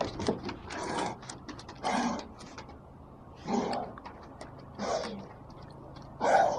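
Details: Dog's cough recorded 4/15/17: about five harsh, breathy cough bursts a second or so apart in a quiet room.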